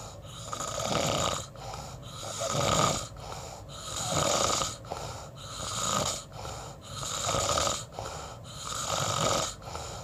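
Rhythmic rattling snores with each breath, roughly 18 breaths a minute, the fluttering noise of snoring.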